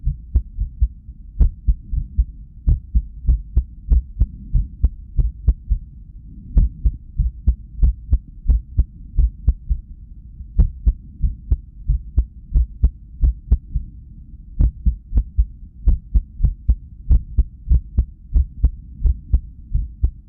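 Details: Heart sounds from an echocardiogram ultrasound at rest, recorded during arrhythmia after lack of sleep: fast thumping beats with uneven spacing and occasional pauses. Irregular heartbeat.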